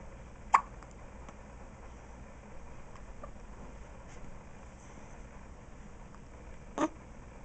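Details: Newborn baby with hiccups, one of the first times outside the womb: two brief, sharp hiccups several seconds apart against quiet room noise.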